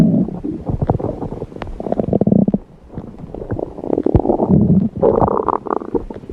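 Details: Red panda's belly: low gurgling and rumbling bursts that rise and fall, with music in the background; ordinary stomach growling.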